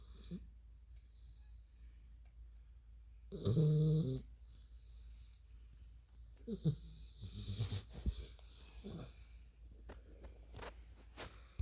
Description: bull mastiff snores like a man